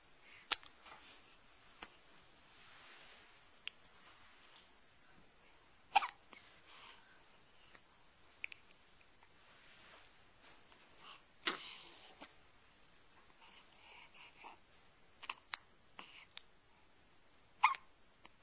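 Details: A one-month-old baby girl with hiccups in a quiet room: brief, sharp catching sounds at irregular intervals, about six to eight in the stretch.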